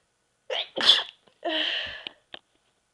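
A quick indrawn breath, then a sharp burst and a drawn-out hissing release: a single sneeze.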